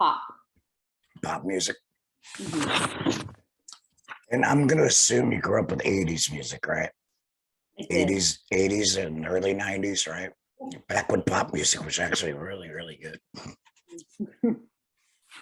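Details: Male laryngectomee after total laryngectomy for head and neck cancer, speaking with a tracheoesophageal voice prosthesis (TEP), reports phlegm with prolonged talking; tracheoesophageal speech after laryngectomy.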